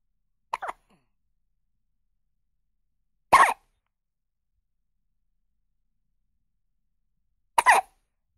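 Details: Newborn baby with hiccups: three brief, sharp catching sounds a few seconds apart.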